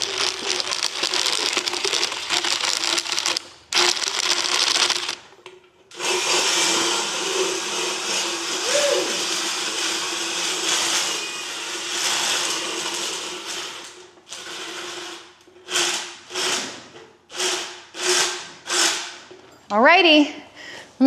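Loud whirring motorized grinding in long runs, then short repeated bursts with pauses: an equine motorized dental float working on a horse's teeth.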